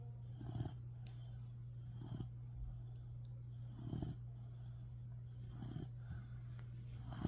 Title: Puppy snores